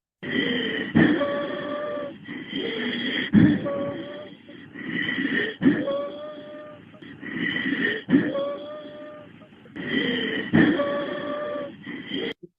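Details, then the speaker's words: Wheezing from narrowed airways, shown in a COPD teaching talk: musical, whistling breath sounds in several pitches, mostly on expiration. "okay so uh we heard the musical sound in wheezing very common on"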